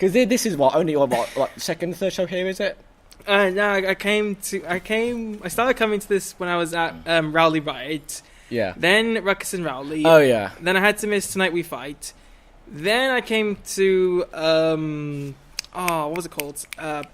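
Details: Young male speaker; normal conversational speech.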